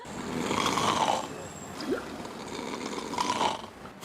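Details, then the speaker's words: Adult man snoring in sleep: loud, rough, rattling snores with gurgling throat noise, so severe that listeners thought he was running out of breath. "야 대워야너 숨 넘어 숨 넘어가는 줄 알았어 지금. 저 어 코를 고는데 목에서 막 내 뭔지 알겠다."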